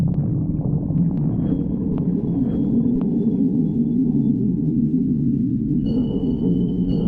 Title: stomach growling 7